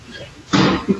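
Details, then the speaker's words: Child choking on food, from security footage: a muffled forceful cough burst followed by a shorter second effort. "you can hear him coughing oh my God what happened that's terrifying just stuck oh he's choking"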